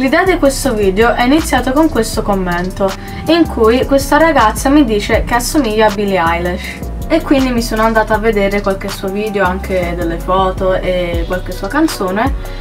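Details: Adult woman speaking Italian; no disorder.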